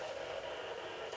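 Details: Steady hissing static from a pocket fetal Doppler just switched on for home use with ultrasound gel on a pregnant belly, before searching; no fetal heartbeat picked up yet.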